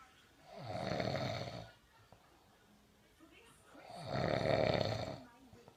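Two slow, rough snoring breaths about three seconds apart, quiet between them; ordinary snoring during sleep.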